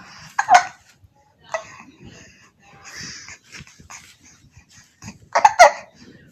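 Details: Twin babies hiccup at the same time, with short, sharp, repeated catches of breath and small vocal sounds a few seconds apart; infant hiccups.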